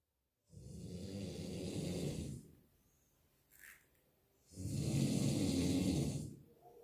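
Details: Snoring of a person described as alcoholic, asleep: two long, loud, rasping snores on the in-breaths, separated by a quiet pause. Heavy snoring.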